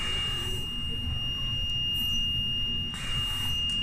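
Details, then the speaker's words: A continuous high-pitched alarm over low machine hum from a Hamilton volumetric ventilator; the alarm can be silenced automatically or by adjusting the triggering parameter; ventilator alarm. "que son alarmas tenemos dos formas de anular lado de forma automática o metiéndose en uno de los parámetros que nos indicaría la alarma"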